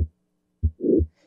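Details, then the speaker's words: Mitral valve prolapse murmur, with the valve moving back onto itself and blood flowing backward: low heart thumps with a soft rushing murmur after the first sound. "so in our case here we're dealing what's what's known as mitral valve prolapse so the valve is moving back onto itself so that means blood is going to move in the opposite direction creating a murmur"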